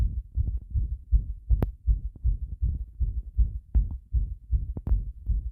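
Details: Heart sounds recorded with pressure against the chest after bathing: regular, rapid low thumping heartbeat, about 155 to 160 beats a minute, with a few rubbing contact noises.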